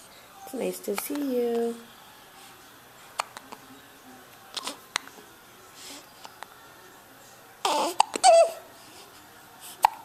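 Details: Infant with hiccups while making kissy faces and stretching: several brief, sharp hiccup clicks at irregular intervals amid soft adult talk and baby sounds.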